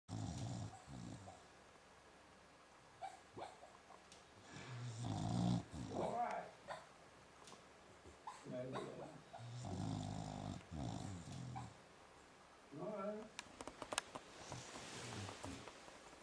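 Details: Comfortable sleeping dog snoring: low, rumbling snores with each breath, with a few snorts and clicks between them. Another dog dreams in the background.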